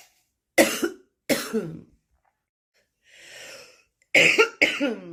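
Two harsh, rough coughs, a breath in, then two more; a smoker's cough.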